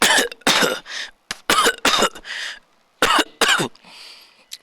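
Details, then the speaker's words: Adult with cough: a run of about six sharp, harsh coughs with short breaths drawn in between. "you can see me coughing hello guys why not try this therapy for coffee onion and ginger therapy"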